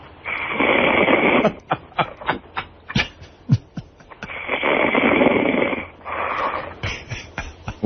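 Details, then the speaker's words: Man sleeping out cold, possibly after a double dose of something, snoring loudly and regularly; sleep apnea suggested as a maybe: rough rattling inspiratory snores with snorts and clicks; snoring. "It's pretty regular. It's almost like the ocean."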